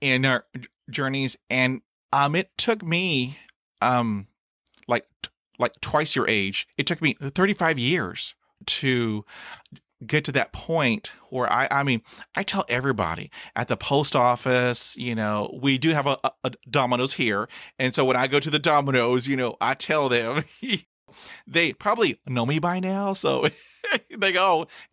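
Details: Adult male who has stuttered since childhood, reporting sound repetitions, blocks with closed eyes and stopped breathing, and heavy breathing on attempted words; stuttering.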